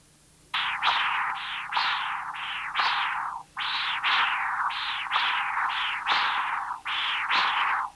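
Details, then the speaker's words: Continuous-wave Doppler from the apical position in tricuspid stenosis: whooshing tricuspid regurgitation (1.8 m/s) alongside high-pitched diastolic stenotic signals (early velocity 2 m/s, gradient 16 mmHg, mean 7.4 mmHg). "In real time, you will hear both the tricuspid regurgitation and the high-pitched diastolic signals due to tricuspid stenosis."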